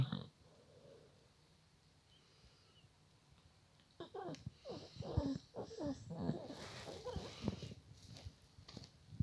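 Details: Sleeping pet dog snoring while dreaming: after a few quiet seconds, a run of irregular snorting, wheezy breaths.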